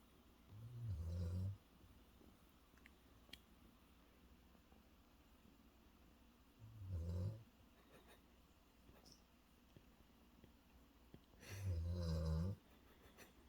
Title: Snoring Loud| He must be so tired #furbaby #shihpoo